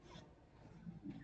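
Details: Patient with laryngomalacia, type 1 on laryngoscopy (arytenoid mucosa prolapsing inward), reflux association discussed; inspiratory stridor.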